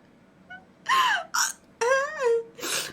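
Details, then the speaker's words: Sudden, sharp voiced catches of breath, each a short abrupt gulp with a squeak: hiccups from a female streamer during a live stream, which started together with sneezing; she says it also happened when leaving home for the hospital today. "딸꾹질 너무 세게 하시는데 복근 운동 되건데."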